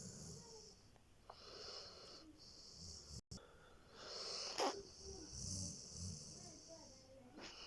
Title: Saint-Bernard Dog Sleeping and Snoring